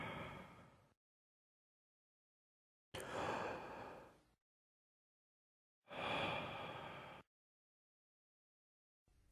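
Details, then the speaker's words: Stethoscope auscultation of the chest during open-mouth deep breathing: loud, hollow, blowing, high-pitched breath sounds with a clear gap between inspiration and expiration; bronchial breathing, as heard over consolidation, effusion top or dense fibrosis. "bronchial breathing is a high-pitched breath sound with with a hollow or blowing quality similar to that haired over the trachea during tidal breathing"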